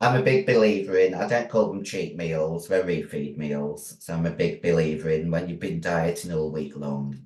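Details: Adult female bodybuilder who took large doses of male steroids (performance-enhancing drugs); voice, formerly very high-pitched, became very deep and she can no longer sing; also has chronic kidney disease: androgen-induced voice deepening (virilization).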